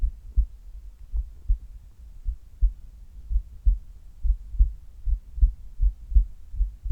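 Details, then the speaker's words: Regular low thumping heartbeats at about 95 per minute, quickened during sit-up exercise that became quite hard toward the end; normal exertional heart sounds during exercise. "最後の方はだいぶきつかったですが、いい心音が取れたんじゃないでしょうか。"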